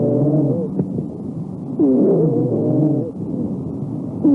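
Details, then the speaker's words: Wheeze in a chest auscultation lecture: a continuous musical sound heard on expiration alone or on both inspiration and expiration, never on inspiration alone, which would be stridor, and linked to partial airway obstruction. "زي ما انتوا سامعين كده continuous musical sound، ممكن يبقى inspiratory و expiratory او expiratory بس، لكن ما فيش ويزس في الانسبيريشن من غير ويزس في الاكسبيريشن."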